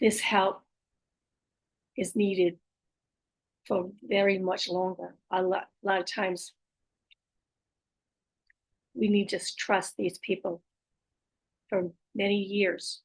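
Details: Aphasia with apraxia of speech and dysarthria after stroke in an adult female stroke survivor; her speech can be hard to understand, with word repetitions.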